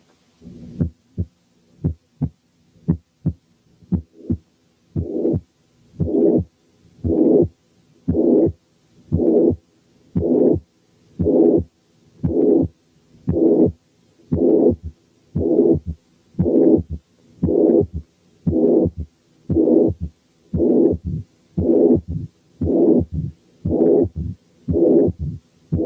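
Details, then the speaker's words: Mitral incompetence heard step by step: heart sounds alone, then pansystolic murmur, then third heart sound and mid-diastolic rumble appearing in diastole; regular heartbeat near 58 a minute. "تعالوا نسمع حالة ماترال انكومبتنس فيها بانسيستوليك مامر، وكمان في الدايستلي في ثيرد هارت ساوند وميد دايستوليك مامر."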